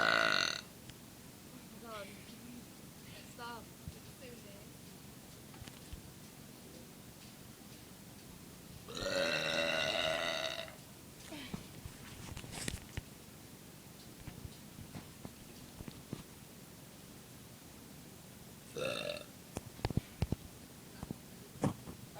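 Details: A person's long, loud burp followed later by a shorter one, with quiet room noise and a few knocks in between; belching.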